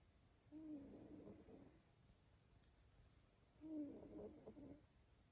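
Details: Male Maine Coon cat snoring: two soft, whistling, fluttering snores about three seconds apart in a quiet room.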